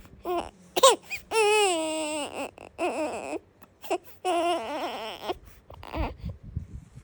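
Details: Newborn baby girl, hungry: rhythmic, wavering cries with short whimpers between them; a hunger cry.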